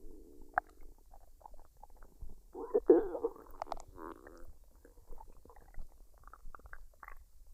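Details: Woman's belly after a fried rice and duck dinner, unedited with no added sounds: quiet gurgles, squeaks and brief bubbling rumbles; normal bowel sounds (borborygmi) of digestion.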